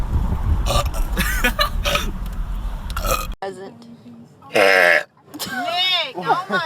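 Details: Men burping in a compilation: loud, deep, drawn-out belches interrupting talk and background noise.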